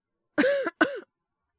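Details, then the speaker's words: Acted cough by a male voice actor playing a young man with a worsening cold and slight fever (36.9°C): two short voiced coughs with a rough, throaty quality; simulated. "ご覧の通りっていうか、お聞きの通りですかね。ちょっと咳出るようになっちゃって。風邪ですかね？"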